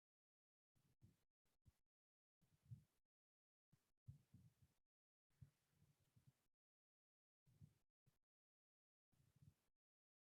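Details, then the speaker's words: Pleural friction rub on auscultation from pleural inflammation (pleuritis): low, rough creaking and grating sounds in clusters through breathing, as inflamed parietal and visceral pleura rub together. "jadi seperti Wah Ada gesekan ya secara normal antara flora parietal dan viseral ini ya gimana ketika bergesekan ini simpulkan suara yang halus ya tapi karena kondisi ah apa peradangan pada pleura maka agcl tadi terdengar lebih keras"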